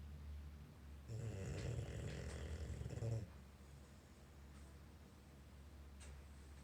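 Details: An English bulldog sound asleep and motionless gives one long, low, fluttering snore of about two seconds over room hum; snoring.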